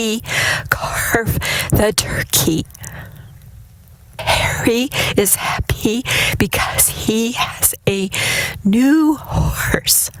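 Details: Recorded test sentence before vibro-tactile stimulation (VTS) treatment, from a person who later responded strongly to VTS; abductor spasmodic dysphonia.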